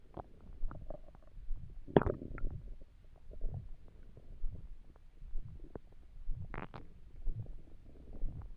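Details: Soft, low gurgles and rumbles in irregular bursts in a quiet room, from an empty, hungry stomach while trying to sleep; ordinary bowel sounds (borborygmi).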